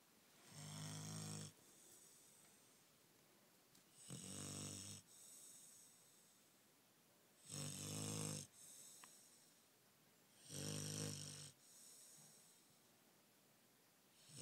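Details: Beagle snoring at night: regular rattling snores with a soft hiss on each breath out, about 19 breaths a minute, in a quiet room.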